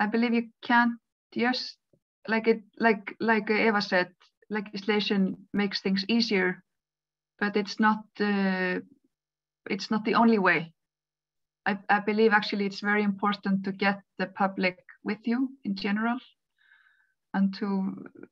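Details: Adult woman who stutters, a panelist at an International Stuttering Awareness Day webinar; stuttering.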